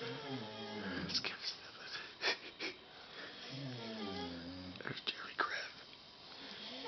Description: My buddies caught on camera having a snoring contest with a little play by play.